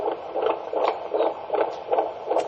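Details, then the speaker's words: Fetal heartbeat by handheld Doppler during a pregnant abdominal examination, counted for 15 seconds: fast, regular whooshing pulses, rate in the 140s (about 155/min heard), a normal fetal heart rate. "it's about ecology yet this baby's heart rates running in the 140s"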